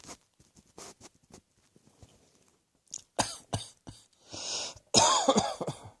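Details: Cross-dressing person coughing: several quiet coughs, then a run of sharp, louder dry-sounding coughs with a noisy in-breath between them.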